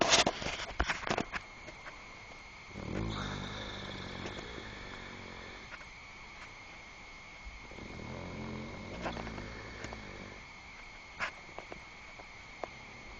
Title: Gram jam snore cam